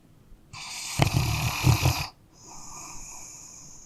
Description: High quality sounds of dogs sleeping and snoring.